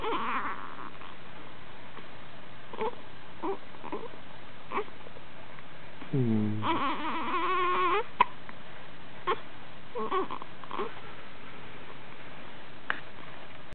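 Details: Baby with hiccups: faint soft fussing with one short wailing cry in the middle and occasional small hiccup catches over low room hiss.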